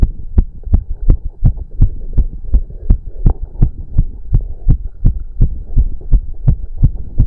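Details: Male's heartbeat during a 30-minute cardio workout with heavy breathing: loud, regular pounding beats at roughly 165 a minute with a low hum beneath, a normal fast heartbeat from exercise.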